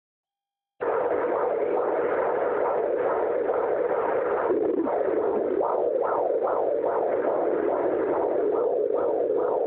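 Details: Fetal heartbeat at 31 weeks on a fetal heartbeat monitor: rapid rhythmic whooshing, about 140 beats a minute.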